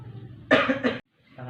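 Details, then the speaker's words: Nursing student demonstrating effective cough training on a male patient: after deep breaths and a count of three, one forceful, deliberate cough with a double push to clear secretions. "Dalam hitungan ketiga, Bapak batuk seperti tenang. Saat Bapak batuk, ini sulit mulut ya Bapak."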